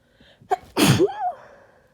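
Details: Sneezing during a cold: quick intake of breath, then one loud, harsh explosive sneeze trailing into a voiced groan, followed by need to blow nose.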